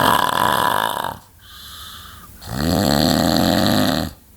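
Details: Sleeping person recorded January 2008: two loud, rough, rattling snoring breaths separated by a quieter breath.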